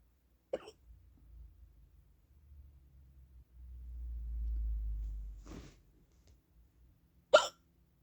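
A few sharp, isolated hiccup catches spaced several seconds apart in a quiet room; hiccups.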